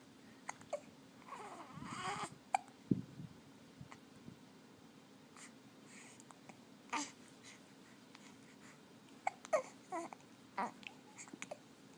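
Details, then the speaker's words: Infant boy with a bout of hiccups: brief, sharp catches of breath at irregular intervals between soft fussing and babbling; he seems untroubled and smiling. "Got a mean case of the hiccups. You don't seem to mind the hiccups, do you?"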